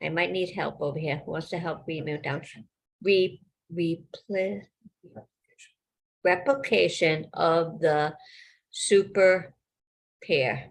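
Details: Person living with aphasia, with agrammatic phrasing noted.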